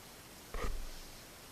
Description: The cough starts to get scary around 2 minute 20 seconds